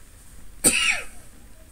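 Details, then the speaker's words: Man with a cold, getting over it with a tickle in his throat: a single short, sharp cough in a quiet room. "so again i apologize for the the coughing a bit here i've uh i've got a little bit of a cold going through the family"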